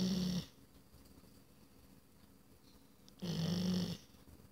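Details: Snoring: two low, buzzing snores about three seconds apart, quiet between them.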